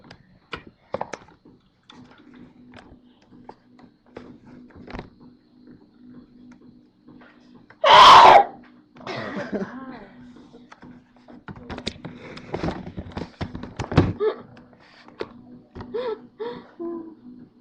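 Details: A single loud, explosive sneeze from a woman breaks through quiet room noise and scattered talk among friends.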